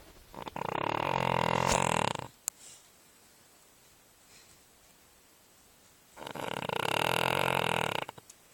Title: snoring dog